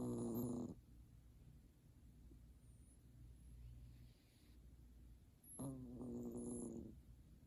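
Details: Savannah cat snoring while asleep; two rumbling snores several seconds apart with quiet breathing between them.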